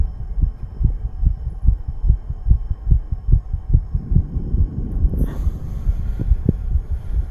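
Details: A 34-year-old male, who says he is under the influence of nicotine and "green stuff", has a heartbeat of rapid, regular low thumps at about 140 a minute, with rustling near the end. This is a fast heartbeat.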